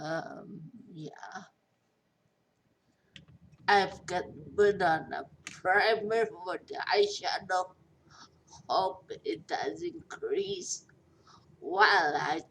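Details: Post-stroke dysarthria in a 43-year-old woman after a major stroke with a long recovery; she says she is hard to understand.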